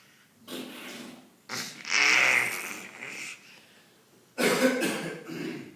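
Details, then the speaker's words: Young boy with a runny nose imitating his dad's cough: three breathy, throaty coughs. "Is it silly boy? Then he coughing like that."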